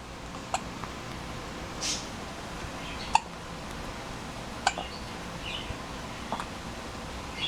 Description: Baby gets the hiccups! What to do, what to do!